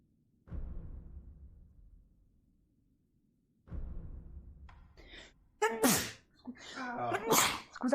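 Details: A few soft breathy bursts, then two loud explosive sneezes close together in a quiet room.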